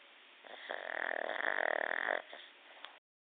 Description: This is my pug chewie, hes so comfy and in a deep / Sleep snoring so loud!